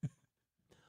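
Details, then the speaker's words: Single short, low cough from an adult man during a live radio broadcast, who apologizes for a coughing issue; then quiet and faint noise. "Sorry, I'm kind of having a coughing issue here."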